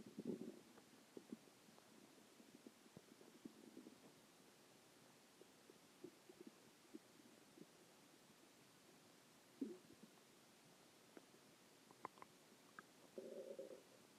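Quiet, scattered gurgling and rumbling bursts against a faint room hiss: ordinary stomach growling from gas and fluid moving through the gut.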